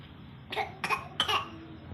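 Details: Three short, fairly dry cough bursts from a young child in a quiet room; the little one's cough is not getting better.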